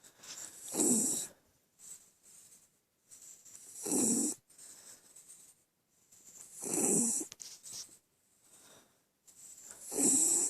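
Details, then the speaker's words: Raspy, fluttering breaths about every three seconds, louder on each inhale; snoring in a female West Highland White Terrier fast asleep. "little fat body here. A snoring Westie."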